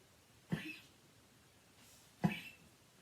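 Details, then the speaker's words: A dog that has been coughing for several days gives two short, sharp coughs about 1.7 seconds apart in a quiet room, then comes to the owner for comfort. "Donc là, vous entendez mon chien qui tousse, le pauvre. Ça fait plusieurs jours qu'il tousse. Il vient vers moi pour que je le réconforte."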